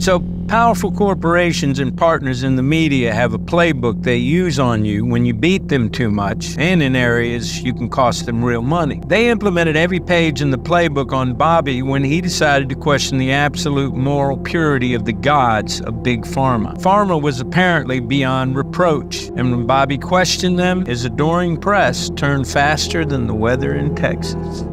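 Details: Adult male narrator; typical voice.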